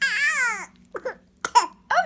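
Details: Baby girl who has a cough and sneezes: a drawn-out infant wail followed by short fussy whimpers and vocal bursts over a steady low room hum; infant crying.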